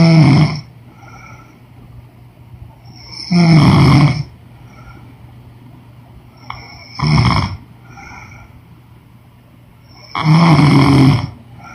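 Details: Woman snoring during sleep: loud, rough snores every three to four seconds over a steady room hum, with quiet gaps between breaths.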